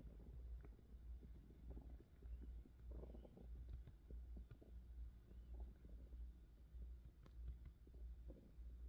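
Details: Continuous low gurgling and rumbling from the belly with scattered bubbly pops, described as hunger pains; ordinary stomach growling (borborygmi).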